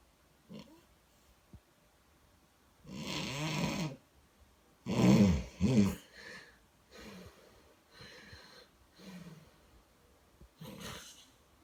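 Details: Irregular snoring with harsh, rattling snorts on some breaths and softer noisy breaths between them; snoring.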